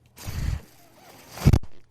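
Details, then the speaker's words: Speaker's own mechanical ventilator, heard while they talk during recovery from an illness: the breath cycle of the ventilator. "I'm glad to be back my name is renan [Music] m that noise you're hearing is my ventilator thank you for tuning in to only what you take with"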